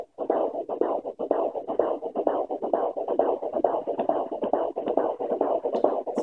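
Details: Fetal heartbeat at 15–16 weeks of pregnancy heard on Doppler: fast, rhythmic whooshing beats, roughly 140 per minute, a normal fetal heart rate.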